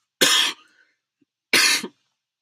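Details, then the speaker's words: Adult speaker apologizing for coughs: two sharp, explosive coughs about a second apart in a quiet room. "I'm so sorry for these coughs."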